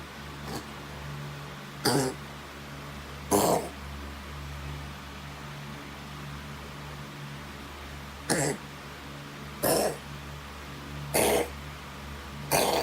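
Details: Pet cat coughing: short, harsh, dry coughing bursts in two runs over a steady low background hum.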